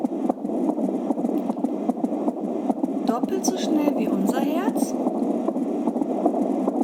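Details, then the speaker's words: Fetal heart sounds recorded with an AngelSounds home fetal Doppler: rapid, regular whooshing beats at around 150 a minute, roughly twice an adult rate. "möchte ich euch gerne auch vorspielen wie wie sich Herztöne anhören und wie sich die Nabelschnur anhört das sind einmal die Herztöne"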